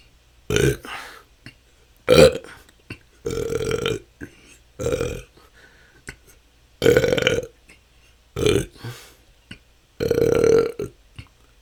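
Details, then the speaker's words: Self-recorded continuous 10-minute session of natural burping with a better microphone; belching can go on for hours, a struggle for a couple of years, felt as stored-up gas. Seven loud belches in under twelve seconds with short quiet gaps: excessive belching (eructation). "that's 10 minutes this can go on for hours this has been my struggle for the last couple of years it seems like somehow didn't let out enough gas and have stored up so much"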